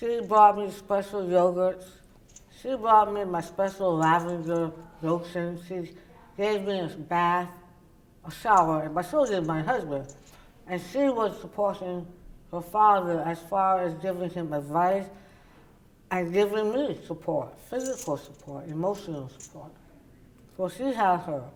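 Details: Woman, oral cavity cancer survivor treated with partial glossectomy and reconstruction followed by radiation; tongue does not reach the roof of her mouth and people have difficulty understanding her; articulation disorder after partial glossectomy.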